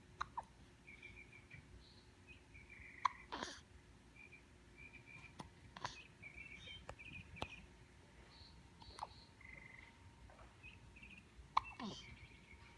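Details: Baby with constant hiccups: short, sharp, repeated hiccups at irregular intervals, about eight in thirteen seconds, over a quiet background with faint birdsong.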